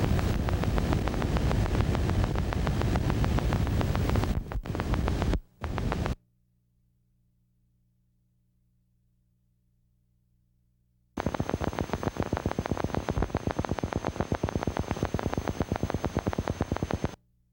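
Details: Needle EMG teaching example: rapid crisp clicking like raindrops on a tin roof; fibrillation potentials from denervated muscle, many firing at different regular rates so sounding irregular.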